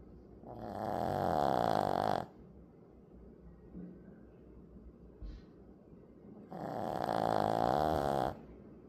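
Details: Dog snoring in sleep: two long, loud, rattling snores on inhalation about six seconds apart, with quiet breathing between.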